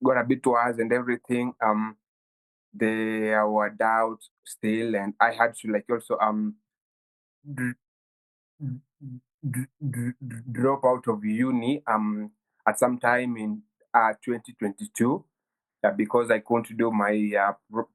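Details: 23-year-old Kenyan man who has stammered since childhood and reports having blocks; stuttering.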